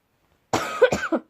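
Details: A single short, rough, throaty voiced cough in two quick bursts, from a vlogger who says they have been very ill for several days and are coughing throughout; cough.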